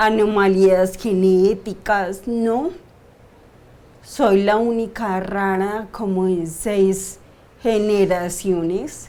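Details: 42-year-old woman diagnosed 10 years ago with idiopathic cerebellar ataxia, having episodes of slurred speech (dysarthria) and doing daily speech therapy for involuntary tongue movement; ataxic dysarthria.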